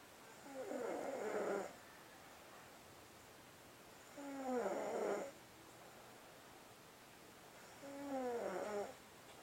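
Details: Ordinary snoring: three rattling, whistly snores about a second long, roughly 17 a minute, with quiet pauses between them.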